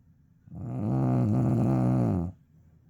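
One long, loud, buzzing snore lasting nearly two seconds, steady throughout; snoring.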